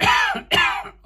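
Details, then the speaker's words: Irritation cough while eating very hot chili, the heat growing in the throat: two quick, harsh cough bursts. "Ja, den vokser i svælget. Den er på vej til at blive rigtig god, og du kan høre på min stemme, den begynder lidt hoste."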